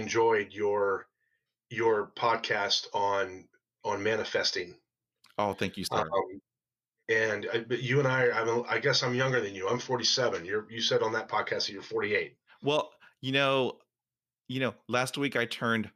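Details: Stuttering in a 47-year-old adult male, present since fifth grade, with repetitions and fillers, real speech.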